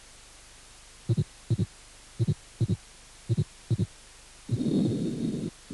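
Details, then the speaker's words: Continuous murmur spanning systole and diastole without interruption, as in patent ductus arteriosus. "el soplo continuo son aquellos que ocupan sístoles y diástoles sin solución de continuidad ejemplo persistencia del conducto arterioso ducto"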